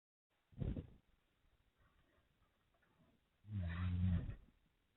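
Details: Awake dog making two loud, low, rattling snorts, a snoring-type noise on the breath. The owner says the recording distorts it and it sounds different in person.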